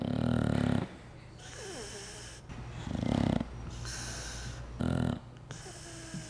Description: adam sandler's dog, matzoball, snoring